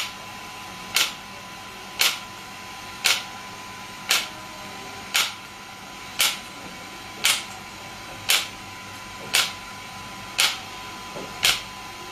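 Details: Shockwave therapy device (SW5S, used for ED and plantar fasciitis) firing after gel applied, feet positioned: sharp regular clicks about once a second, 11 pulses, over a faint steady hum.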